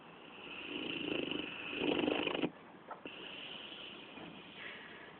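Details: Sleeping dog snoring: rattling, fluttering snore on the in-breath, cut off by a brief snort.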